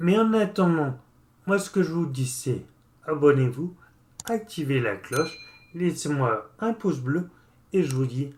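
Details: 36-year-old man with Friedreich's ataxia, a neurological disease affecting the brain and spinal cord; ataxic dysarthria.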